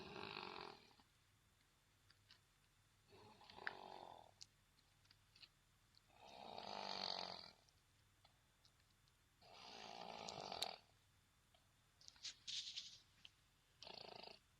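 Rough, rattling breaths every three seconds or so, about 20 a minute, with quiet gaps between them: snoring.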